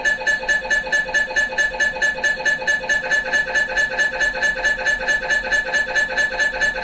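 Fast, steady, regular electronic knocking and buzzing pulses, about 136 a minute, typical of an MRI scanner running an imaging sequence.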